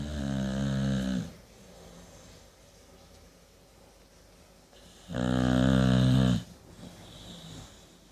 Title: Delta the boxer snoring